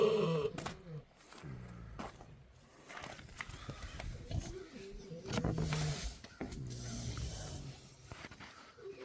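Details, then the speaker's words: Kunekune pigs snoring while huddled in their shelter during icy, snowy winter weather. "This is pretty much exactly where they're staying right now. I think you can hear them snoring in there."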